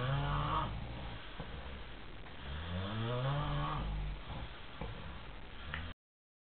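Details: Loud snoring from drunk men sleeping: deep, rumbling, vibrating breaths with low fluttering tones, heavy and irregular.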